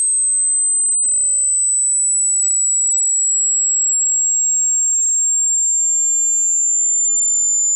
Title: Hearing Test HD (High-Low)